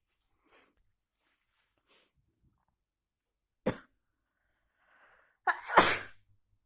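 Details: A few short bursts then two loud explosive sneezes near the end, quiet room between, in a person with a cold; sneezing.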